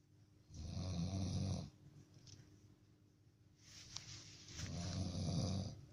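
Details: Strange, low, rattling snoring: two long snores about four seconds apart with quiet exhalation between.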